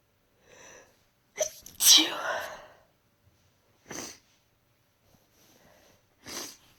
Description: Caught another bug. I've only been sick a few days but nose is so tickly so decided to induce a bit.